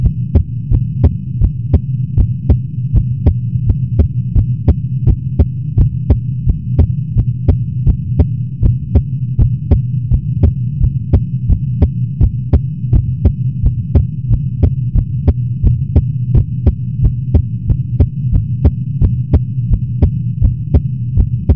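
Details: Adult's own heartbeat recorded just after waking, steady at about 86 beats a minute, slightly fast, under loud continuous air-conditioner hum.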